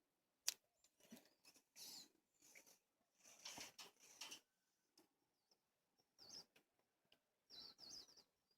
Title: Stoner cockatoo coughs and fist bump